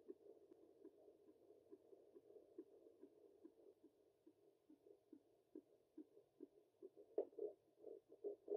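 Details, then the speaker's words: Fetal heartbeat of a baby girl at 24 weeks of pregnancy on a home Doppler, found lower on the abdomen: fast, regular whooshing pulses measuring about 145 to 150 a minute. "now his baby's heartbeat at 24 weeks it is currently measuring 145 to 150"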